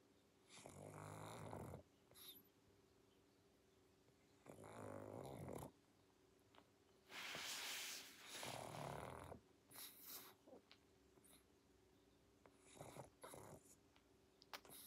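Irregular snores mixed with wheezy snorts and sniffs in a sleeping small dog. Snoring with snorting.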